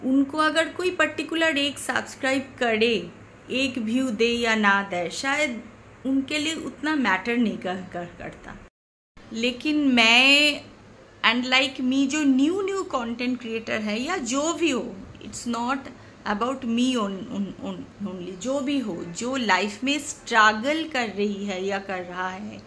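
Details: Woman speaking Hindi who has stammered since childhood, intermittently, not constant, worse when tense or angry; stammering.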